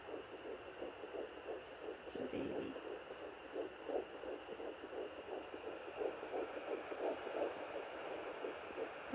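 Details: Sonoline B handheld fetal Doppler: rapid, rhythmic whooshing pulses of a fetal heartbeat over steady hiss, with the probe being moved.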